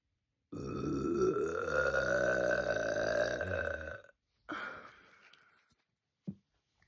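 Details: Person who burps even after drinking water, giving one long, loud, rumbling belch of about three and a half seconds followed by a short breath.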